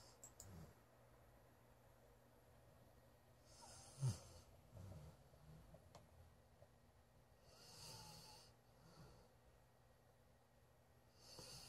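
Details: Golden Retriever that fell asleep in a bedroom and started to snore; dog snoring.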